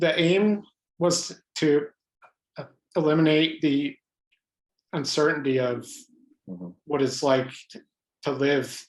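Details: Adult man with lifelong stuttering, mostly blocks, stuttering in highly variable ways; stuttering.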